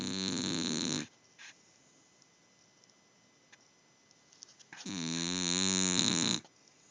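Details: Two long, buzzing, vibrating snoring breaths with strong tonal rattle, separated by near silence; snoring.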